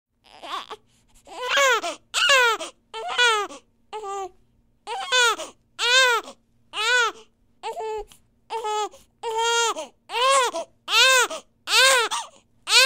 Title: Infant Cry / Baby, Baby Cry, Cry, Crying, Children, Babies, Newborn, New Born, Child, Infant